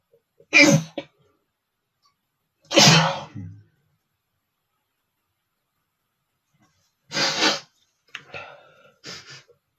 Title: sneezing male #14 (NOT POWERFUL! №2)